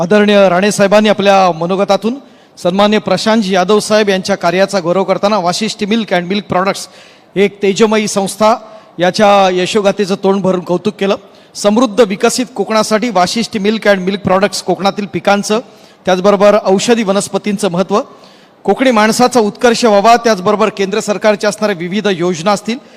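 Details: Adult male narrator; Normal voice.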